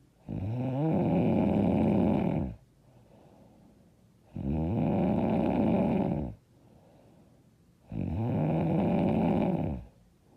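Three loud, rough snores on the in-breath, about 3.5 seconds apart, with quiet out-breaths between: heavy snoring, roughly 17 breaths a minute.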